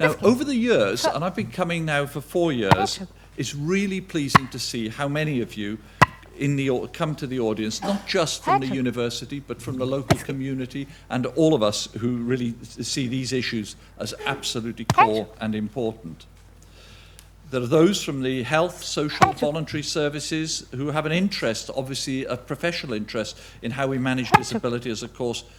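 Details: Adult male speaker at a lecture; normal speech.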